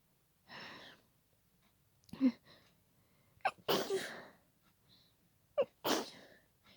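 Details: Person had a sneezing fit after a tickling nose, stifling the sneezes to stay quiet while sharing a room: about four muffled sneezes with short sharp breaths between; sneezing fit.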